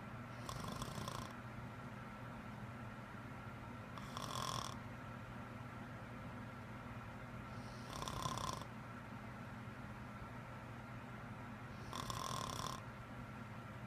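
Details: An adult woman's loud, habitual snoring of unknown cause: four rattling snores on the in-breath, about 16 breaths a minute, with a steady low room hum.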